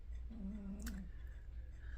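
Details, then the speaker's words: Pet cat sleeping in a quiet room: a single soft, low, buzzing breath sound rises and fades over a steady room hum. Snoring. "if you can hear that, it's her snoring."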